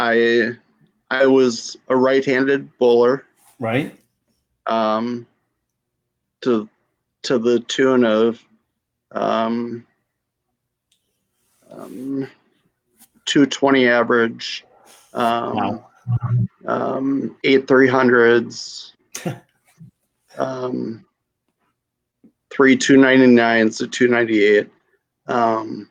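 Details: Adult female with mild to moderate aphasia from a stroke at age 35, now 7 years post-stroke, with right-side weakness; she finds getting words out hard; aphasia.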